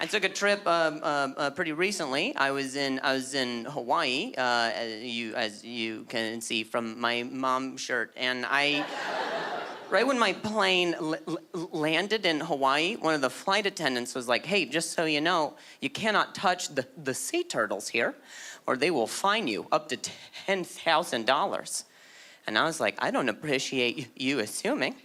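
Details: Acquired stuttering in an adult male, beginning at age 20 after a softball hit his throat, causing a minor vocal contusion and a major concussion later diagnosed as traumatic brain injury; repetitions heard.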